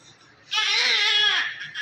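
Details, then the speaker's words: Newborn male just delivered by normal vaginal delivery, meconium passed, about 3.6 kg, good Apgar score, active: a single strong, high-pitched vigorous cry. "so in front of you the baby's length is so big the baby is so beautiful abar SC is a good cry is active"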